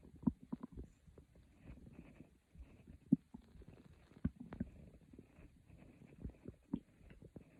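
Soft, irregular gurgles and low rumbles from the stomach. Quiet bowel sounds, a normal finding.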